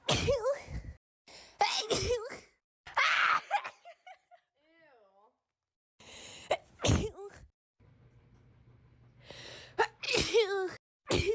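Several separate sneezes, each a sharp burst with a brief voiced cry, separated by pauses.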